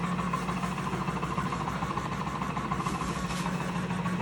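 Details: Comfort Cough Plus mechanical insufflator-exsufflator (cough assist device), which can be used with a vibration vest, running on a patient told to breathe normally, who feels vibration and pressure: a steady motor hum with rapid pulsing at about 200 per minute.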